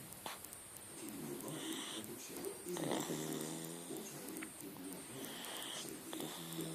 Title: Snoring Pancho